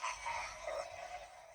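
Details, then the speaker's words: Overweight cat snoring while asleep: raspy, rattling breath noises from the upper airway. "вот такие звуки ты сдаёшь когда спишь Эдуардовна"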